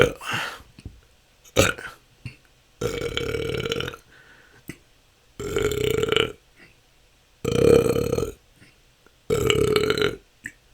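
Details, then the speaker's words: Adult with repeated loud, long belches, about five in ten seconds with short gaps, part of 10 continuous minutes of natural burping; episodes can last hours, a struggle for the last couple of years. "that's 10 minutes this can go on for hours"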